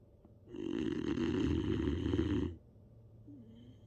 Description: Listen to Baron the Boxer Dog snoring like a champ! Super sleepy boxer puppy is a loud snorer.